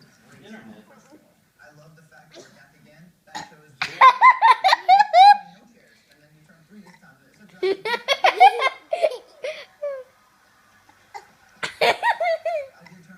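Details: Judah burping: several voiced, croaky belches in short bursts mixed with giggly vocal play, with quiet gaps between.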